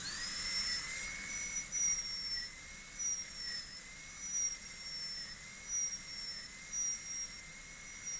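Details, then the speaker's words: High-speed dental drill with a bur cutting a distal-occlusal (DO) Class II amalgam preparation on an upper molar (tooth 3), teaching demo before students: continuous high-pitched whine with louder bursts as the bur cuts close to the adjacent tooth. "again with the Burr as close as we can get it to the adjacent tooth a little further and a little further and that's about right so now we're going to cut from there in straight"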